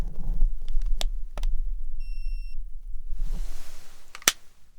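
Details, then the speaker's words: Simulated ASMR physical examination roleplay: soft handling clicks, then a short clear electronic beep as an ear thermometer finishes a reading, with quiet room noise; temperature read as 37. "Now, I'm going to pop it in both of your ears and see what that says."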